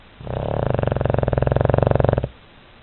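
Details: Toby sleeping with eyes open and paws twitching: one long, low, rattling snore of about two seconds with a rapid vibrating flutter; snoring.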